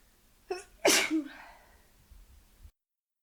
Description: Its been a long time since I recorded some sneezes. So I tried really hard to induce the sneezes and this was all I could get out!